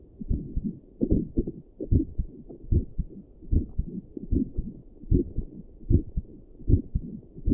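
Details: Own heartbeat at rest, sitting at a desk, recorded with combined doppler and stethoscope audio, visible neck pulse: steady regular whooshing beats at about 75 per minute; normal heart sounds.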